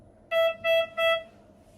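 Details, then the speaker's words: Biolight S12 patient monitor linked to a central monitoring system, in a demonstration after the SpO2 probe comes off the patient's finger: three short, even alarm tones over faint room noise; SpO2 sensor-off alarm. "and the Machine will alarm spo2 sensor off and also on the CMS you'll be seeing the spl2 sensor of notification in real time"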